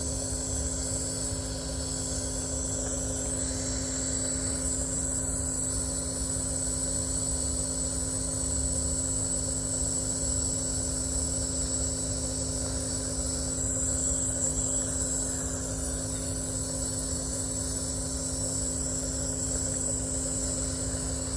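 A steady, droning motor hum with a faint hiss, typical of a running nebulizer compressor.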